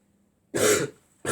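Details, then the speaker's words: Person with a bad cough, feeling unwell: a single harsh throat-clearing cough, with the start of another at the end. "I started the video is [snorts] saying I have a cough. Sorry guys, just I coughed a lot in these."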